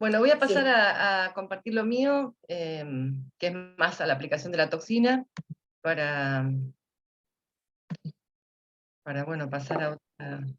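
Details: Adult speaker; normal speech.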